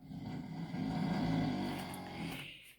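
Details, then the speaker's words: A visiting friend snoring through the night, on the fourth sleepless night for his host, who says he also mumbles in his sleep: one long, loud, rumbling snore on an in-breath; ordinary heavy snoring. "снится ему всякая [ __ ] [ __ ] храпит он для бубнит [ __ ] пёрнул [ __ ] 1 7 уже [ __ ] да хер знает"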